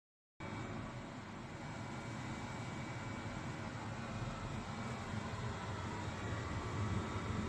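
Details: Great Star external oral suction unit demonstration: a steady loud rushing roar of air starts abruptly and continues, a suction unit running normally.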